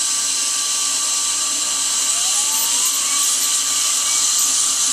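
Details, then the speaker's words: Continuous high-pitched whine of a high-speed dental drill with air-water spray hiss, pitch shifting as it cuts; the last drilling while preparing a tooth for a bonded white filling, no needle anesthesia. "Doing very, very well. Okay, and this will be the last of the drilling."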